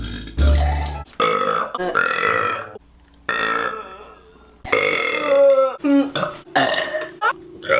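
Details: Compilation of a woman's deliberate burps: several loud, drawn-out voiced belches in succession with a few words spoken between them; repeated burping.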